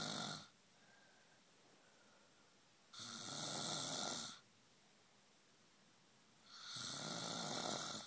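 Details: Man, who denies snoring, snoring heavily during sleep: loud, harsh, rasping snores, each over a second long, about one every four seconds, with quiet breathing between.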